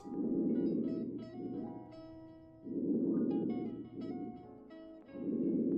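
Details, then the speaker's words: Simulated normal breath sounds by stethoscope over the upper and lower lobes in a virtual cardiac-arrest patient in semi-Fowler's position at 45°: soft, even breaths about 24 a minute, no wheeze, stridor or crackles, over background music. "That sounds normal to me. Sounds pretty good to me."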